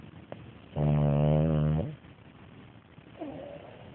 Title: 2010-10-27 betty the french bulldog snoring